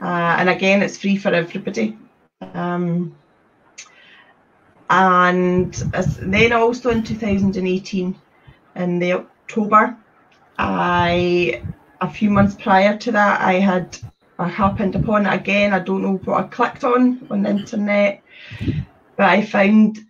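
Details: Adult woman who serves as a trustee of a Scottish stammering support network; stuttering.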